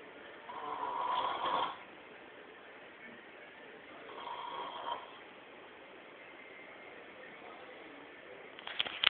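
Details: Dog snoring: two slow, rasping breath sounds about three seconds apart, with quiet room noise between; snoring in a flat-faced dog.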